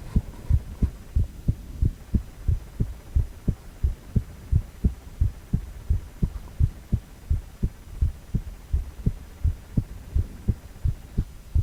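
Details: Steady, regular low thumps at about 87 beats a minute, heartbeat sound with a 4-chamber ultrasound view of a male heart; a normal rhythm.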